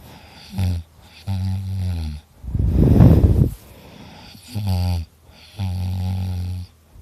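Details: Person recording their own heavy snoring while very tired: loud, low rattling snores on the in-breath alternating with a noisy breath, in a quiet room.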